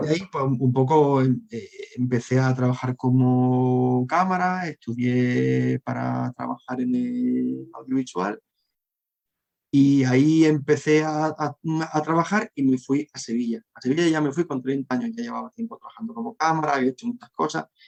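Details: Adult Spanish-speaking man who stutters, with a constant struggle in childhood and adolescence to hide it: stuttering.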